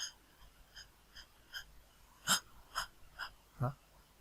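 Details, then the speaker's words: Imitated rapid shallow breathing from a semiology lecture on dyspnea: quick, short, light breaths, roughly 45 a minute, described as occurring in a patient with chest pain. "Es el aumento de la respiración superficial en un paciente también con dolor torácico, ¿no?"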